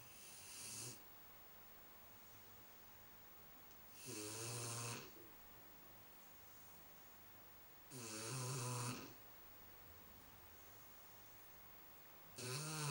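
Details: 3-month-old Shar Pei puppy asleep on a sofa, giving slow, regular rattling snores about 15 a minute with quiet pauses between breaths; snoring.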